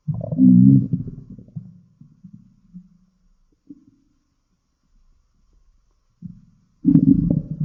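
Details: Stomach growl (borborygmi): loud, prolonged low rumbles and gurgles, a fading growl, then a fresh burst of rumbling.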